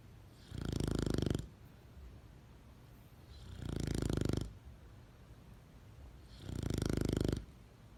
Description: Buzz is a derp dog....who snores like a grown man.